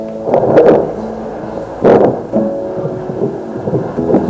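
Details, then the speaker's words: Doppler probe placed over the chest of a student during an anatomy and physiology class, with the monitor showing a heart rate of 71/min and SpO2 98%: pulsing whooshing bursts of a normal beating heart, with the valves said to be moving. "들려요이 소리는 심장이 뛰는 소리 누구 소리야 소리야 심장 소리야 요거는 심장이 뛰고 있는 다른 친구들도 한번 들어보세요"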